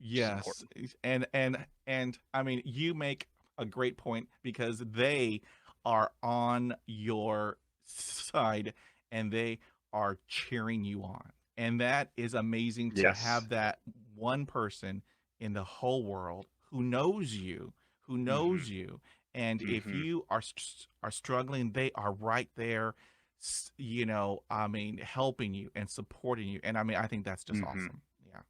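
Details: Adult man who stutters, a podcast host speaking English; stuttering.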